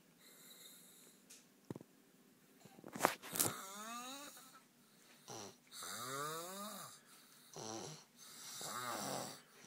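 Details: Irregular whistling, squeaky nasal snores and snorts in quick succession with rising and falling pitch; snoring.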